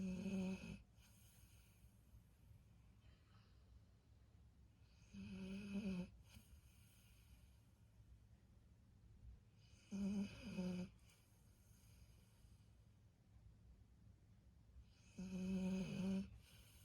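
Four loud rattling snores about 5 seconds apart, roughly 11 a minute, with quiet breathing between them. This is dog snoring.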